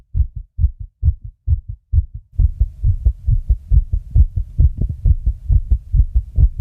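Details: Tachycardia.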